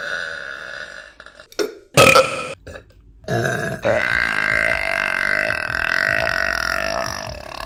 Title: Burping Compilation March 2023 #2 | RBC